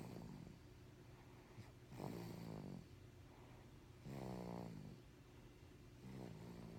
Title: snoring